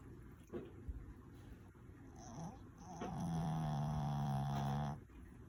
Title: snores